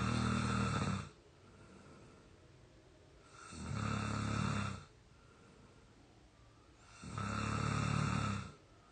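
Three loud, regular, rattling snores about three seconds apart, with quiet breathing between them: heavy snoring during sleep.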